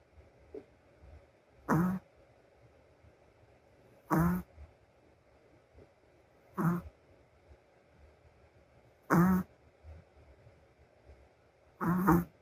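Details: Short rough snorting snores about every two and a half seconds, roughly 24 a minute, in a quiet room from a sleeping female Shih Tzu; snoring.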